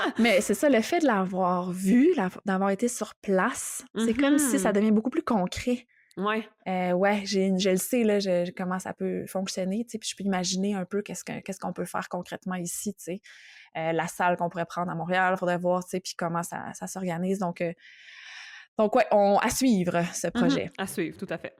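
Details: Adult woman speaking French; normal speech.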